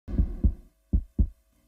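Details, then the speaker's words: Heartbeat: regular deep lub-dub, two paired thumps per beat, roughly 70 beats a minute. "that instantly recognizable sound unique to all of us imagine using your heartbeat as a passcode for your phone computer even your car"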